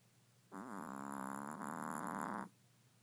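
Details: Pet on a cold morning: a single drawn-out, fluttering, buzzy snore about two seconds long with a slight break midway, in a quiet room.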